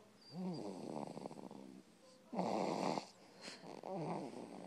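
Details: Snoring from someone: rattling, buzzy breathing sounds with a harsh snorting burst in the middle.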